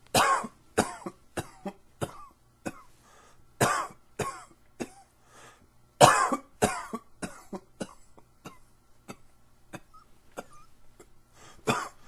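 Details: A long run of about twenty dry, harsh coughs and throat clearings in close succession, fading to softer coughs; allergy-related coughing.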